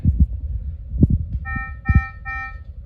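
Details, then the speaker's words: Ventilator prototype with ventilation turned off, triggering alarms during alarm volume testing, measured at about 70 decibels: repeating multi-tone electronic alarm beeps, loud, over low thumping handling noise. "right now we have ventilation turned off so this is triggered all kinds of alarms in the interface here"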